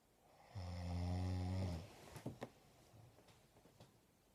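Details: Woman asleep, snoring loudly in a quiet room: one long, low, rattling snore on the in-breath, then faint rustling. She later denies having slept.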